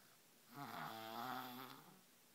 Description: Unbelievable...... A 3 years old can snore this loud